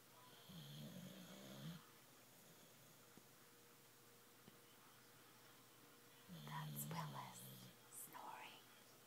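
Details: Snoring from Willis, a sleeping dog: snoring sounds.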